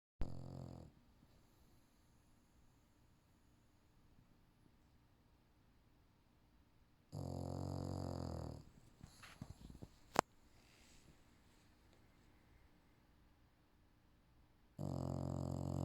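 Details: Female English Bulldog napping: loud rattling snores roughly every seven seconds with long quiet gaps, one followed by a short snuffle: snoring.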